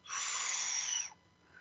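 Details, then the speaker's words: Exaggerated soft blowing hiss, a person imitating the normal vesicular breath sound heard over healthy lungs without pathology. "entonces cuando no tiene ninguna patología ustedes van a escuchar un vientecito cuando respira"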